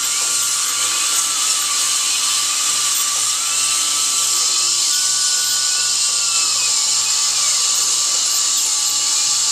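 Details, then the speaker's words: Steady high-pitched whine with shifting pitch and faint background hum: dental drill doing the last drilling while preparing a tooth for a bonded white filling; patient comfortable. "Okay, and this will be the last of the drilling."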